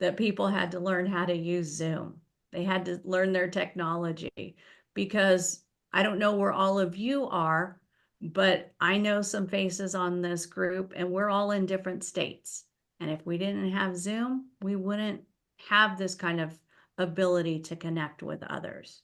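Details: Adult woman; typical speech.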